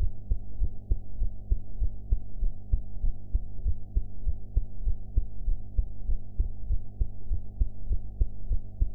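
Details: Own heart sounds recorded after eating, quality enhanced: regular low heartbeat thumps under a steady hum, roughly 98 beats a minute, somewhat fast.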